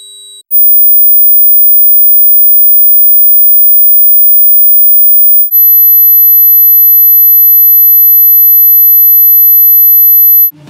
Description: I will play a 15000 Hz and 16000 Hz sound. If you can hear these frequencies, your ears are still in great shape.